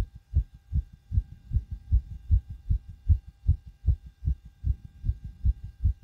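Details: Own heartbeat recorded with homemade DIY stethoscope right after backflips and bouncing on trampoline: fast, strong, regular pounding about 150 beats per minute; rapid heartbeat after exercise.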